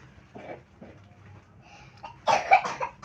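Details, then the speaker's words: Adult man with a cough that hasn't gone away, drinking morning coffee, gives a short burst of harsh coughs after soft throat noises in a quiet room. "Noh, mungkin kedengaran tuh kali ya batuknya ya. Tuh belum sembuh-sembuh ya."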